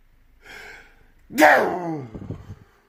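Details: A breathy intake, then one loud voiced explosive sneeze trailing into a short breathy tail; a very loud sneeze.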